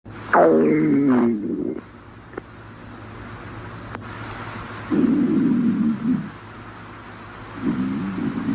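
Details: Three low, gurgling stomach growls with a creaky, falling pitch; stomach growling (borborygmi).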